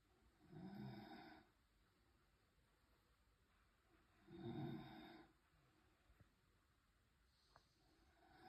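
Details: French bulldog snoring during sleep: two long, low rattling snores on breathing in, about 16 breaths a minute, with quiet pauses between.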